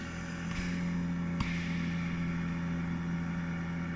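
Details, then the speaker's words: Zen-O portable oxygen concentrator set to 2 L/min continuous flow with a mask, used for a boy with cerebral palsy who cannot control his breathing; steady low motor hum with a couple of sharp valve clicks, normal operating noise. "I've set this to two liters continuously because there you go that's how loud it is because we would need it continuously because Alfie has cerebral palsy and he can't control breath"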